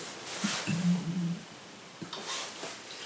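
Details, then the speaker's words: An adult's stomach makes a low, drawn-out gurgling growl during a recorded conversation in a quiet room: an ordinary digestive rumble (borborygmi). "Wow, I was not expecting my stomach to make that noise."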